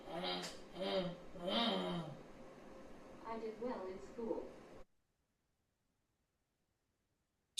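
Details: Woman with bulbar ALS in a brain-computer interface trial, saying a given phrase; vocalizations are difficult to discern; dysarthria (bulbar ALS).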